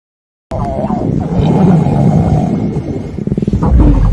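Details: Loud, long low rumbling growl that rises and falls, ending in quick gurgling pulses, from a girl in a staged scene of being trapped in an elevator and very hungry; stomach growling (borborygmi).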